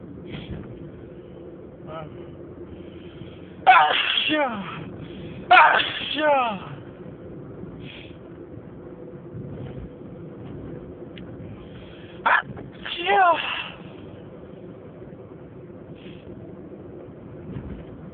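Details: Sneezing fit in an adult, recorded on a phone in a car: about four loud, voiced sneezes in two quick pairs against low car-interior hum.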